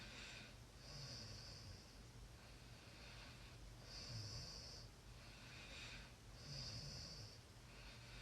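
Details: Rhythmic rasping breaths, about 22 a minute, with a rough noisy sound on each breath over room hiss; snoring during sleep.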